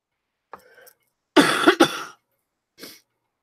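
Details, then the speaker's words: Short throat sound, then two loud harsh coughs and a softer one from an adult with a cold and a runny nose after nine days of illness; she says she is coughing her face off. "all right well I am coughing my face off so I'm gonna go ahead and and shut her down"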